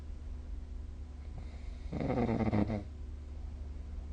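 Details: Snoring recorded with the SnoreLab phone app: one rough, fluttering snore on an in-breath, about a second long, against a steady low hum.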